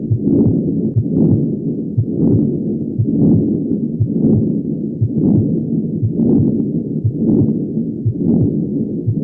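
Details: Patent ductus arteriosus: steady heartbeat near 59 a minute with a continuous rushing murmur that never stops between beats and swells around the second sound.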